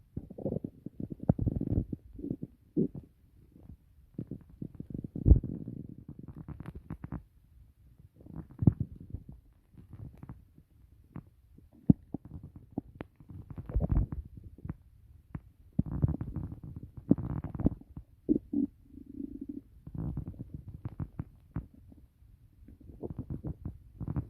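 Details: Loud, frequent low gurgles and rumbles of stomach growling; ordinary bowel sounds (borborygmi).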